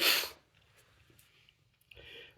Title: Chhinkni Sneezing while reading The Raven Part 2